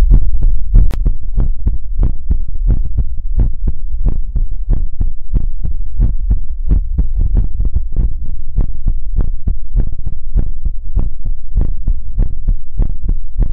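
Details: ASMR livestream heartbeat sound effect: steady, regular, low muffled thumps over a deep background hum.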